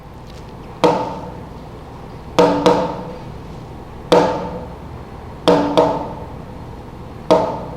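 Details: Ventricular trigeminy (imitated).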